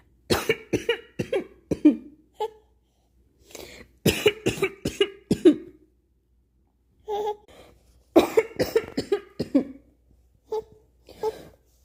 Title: Baby reacts to cough